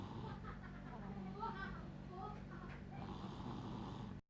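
Continuous low rumbling snore-like noise throughout, without clear breath-by-breath gaps; snoring.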